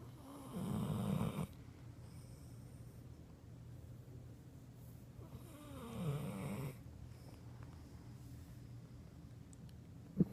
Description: Boss the pit bull taking a nap and snoring really loud with his head on the pillow.